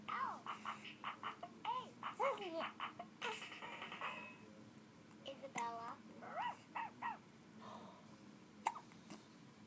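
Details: Infant with hiccups at play time, babbling and squealing, broken by short, sharp hiccup catches, with faint adult voices singing and music.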